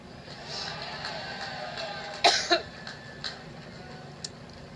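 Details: Two quick dry coughs, then fainter throat sounds, from a woman during an outdoor Labor Day rally speech in Cleveland, against crowd and traffic noise; she attributes her coughing fit to being "allergic" to Trump.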